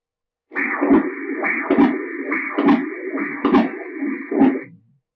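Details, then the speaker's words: Pulsed-wave Doppler of left ventricular outflow tract flow in the apical five-chamber view, measuring LVOT VTI after a passive leg raise of about 30°: rhythmic whooshing pulses at about 69 a minute; VTI 25.6 versus 24 before the raise. "she's going to do the same process again again getting that lvot vti uh which is again a surrogate measurement for stroke volume"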